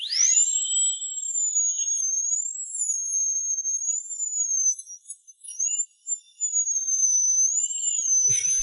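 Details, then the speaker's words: Wisdom tooth extraction under anaesthesia, impacted tooth embedded in alveolar bone split in two with a drill after gum incision: sustained high-pitched whine wavering slightly in pitch, the dental drill cutting. "you don't feel the pain But you can hear the drill You can feel the vibration of the drill."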